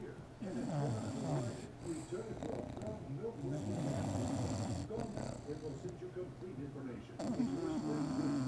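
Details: Bulldog puppy deeply asleep after a day at the dog park, heavy rough continuous snoring with snorting rattles; snoring.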